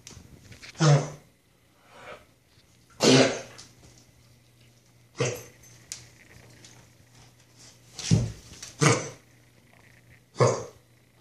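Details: Dog coughing: six short, explosive, irregularly spaced coughs, harsh with a throaty rasp, separated by quiet pauses.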